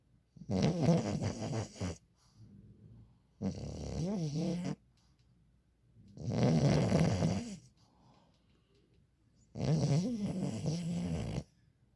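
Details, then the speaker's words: Female French Bulldog snoring: loud, rattling snores about every three seconds with softer breaths between, typical of a flat-faced dog. "She's snoring."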